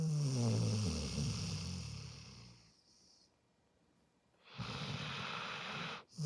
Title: snoring loudly 😴